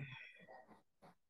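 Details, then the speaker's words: A brief low rumbling snort, then a softer second one, from a sleeping pet dog in a quiet room: dog snoring. "she goes there she goes did you hear the noise that was my dog snoring sorry"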